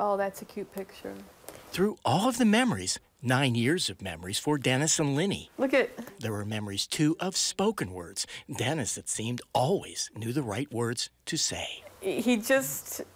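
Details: Adult speaker, narration; Normal speech.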